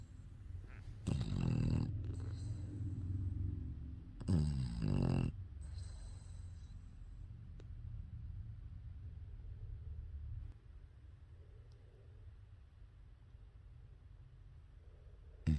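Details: Two loud, rough, low snoring breaths, then quieter breathing, from a sleeping English bulldog: ordinary snoring.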